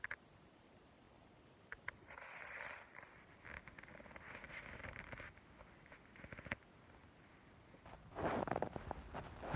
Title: Stomach growling at work